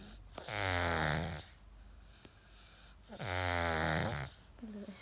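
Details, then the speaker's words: Sleeping baby snoring loudly: two long, droning, voiced breath sounds about three seconds apart, with quiet gaps between them; snoring. "she's so s really similar you when you sleep loud snoring"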